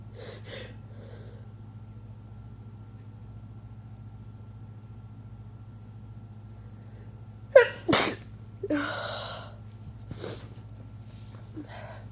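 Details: Stifled sneezes, induced, from a person getting a cold: several sneezes in a quiet room, some muffled and held back, others breaking through as sharp bursts.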